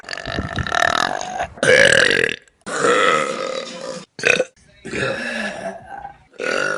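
A series of long, loud, rumbling belches with brief gaps between them. Repeated burping.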